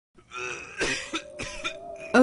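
A quick run of about four or five harsh, acted coughs over a steady background tone.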